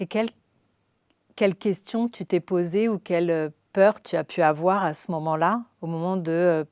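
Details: Adult female speaker; normal speech.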